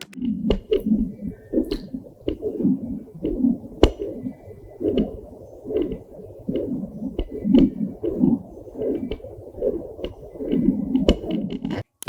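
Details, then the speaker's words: Soft, rhythmic, slow whooshing pulses at about 85–90 a minute, like wind through trees, picked up by moving a portable fetal Doppler probe: placental blood flow, distinct from the quick galloping fetal heartbeat. "if it's also slow but sounds like the wind whooshing through the trees it's the blood flowing through the"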